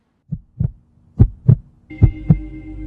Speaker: this is the sound of a heart beating the sounds of the heartbeat are commonly referred to as lub-dub sound the love sound is produced by the closing of the atrial ventricular valves while the dub sound is produced by the closing of the semilunar valves